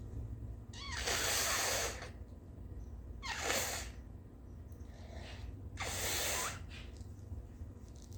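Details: Late-morning sneezes, coughs and snotty nose blows from a tired person: three loud, hissing nasal bursts a few seconds apart over steady low room noise, consistent with sneezes or forceful nose blows.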